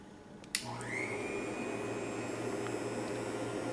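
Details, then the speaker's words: Cough assist machine switched on in manual mode with its blue corrugated tubing occluded for a pressure check: a click, then a steady blowing motor hum settling into an even whir; inspiratory pressure then read at about 25. "to begin that process you will want to occlude your blue corrugated tubing and ensure that your machine is in manual mode I'm going to turn the machine on"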